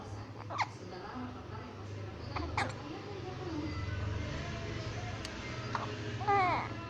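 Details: One-month-old baby girl: three or four brief, sharp hiccup sounds over steady room hum, with a short baby vocal sound at the end: infant hiccups.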